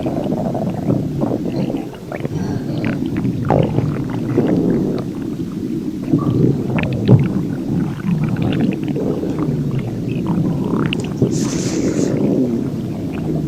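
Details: Insane non-stop stomach growling, possibly with extreme diarrhea (uncertain): continuous loud rumbling and gurgling with no pauses, very active borborygmi.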